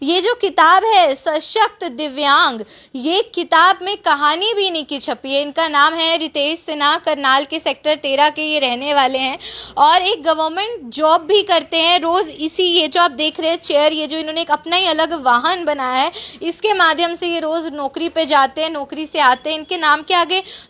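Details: Adult woman, news reporter; normal speech.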